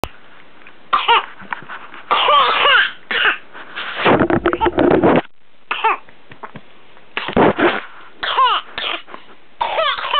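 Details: Boy with suspected whooping cough, recently given antibiotics for pneumonia: a coughing episode recorded for his doctor, with an adult urging him to spit it out.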